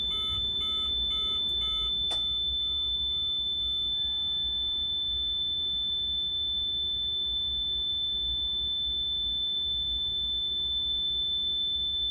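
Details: Rapid repeating electronic beeps over a steady high tone and machine hum: ventilator alarm sounding during setup after passing the pre-use test, with no patient connected.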